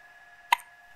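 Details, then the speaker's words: Hiccups in a baby just after a milk feed: a single short, sharp click-like squeak over a faint steady room hum. "oh milk drunk baby with the hiccups milk drunk baby with the hiccups today milk drunk baby milk drunk baby milk drunk baby won't you stop hiccuping today oh"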